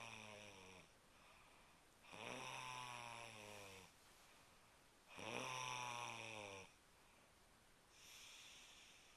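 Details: A person caught snoring again: loud rattling snores on breathing in, about three over nine seconds, with quiet breaths between; ordinary snoring.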